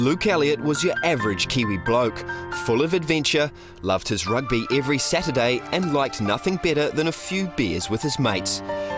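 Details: Adult male narrator; normal narration.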